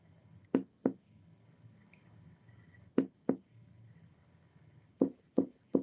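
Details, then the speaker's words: Percussion down the right midclavicular line from the second intercostal space (angle of Louis): resonant lung note changing to relative dullness (submatidez) at the upper liver border. "Acá encontramos submatidez. ¿Escucharon el cambio entre el resonante y el mate?"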